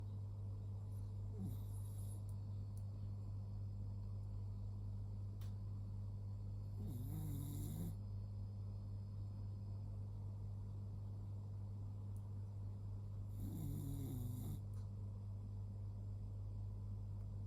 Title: Luna is snoring…..